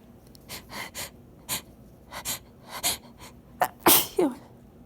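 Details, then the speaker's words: A run of quick, hissing nasal bursts building to a forceful sneeze with a voiced end, in a sneezing fit while sitting up, hard to take a full breath, linked to high pollen. "I was sitting back up cuz it's hard actually hard to sneeze wanna blow my stomach but they don't I don't know I feel like they sound weird you because I can't take as much air as I want to"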